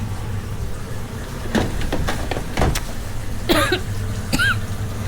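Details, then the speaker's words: A woman cooking in a kitchen gives a run of short, harsh coughs over steady background hum, with breathlessness, during a sudden asthma attack she says can be triggered by being startled; cough during asthma attack. "Sesak nafas tadi. Okey. A dia boleh datang tiba-tiba a. Allah. Dia kalau terperanjat, tersentak ke dengan sesuatu ha dia boleh kena."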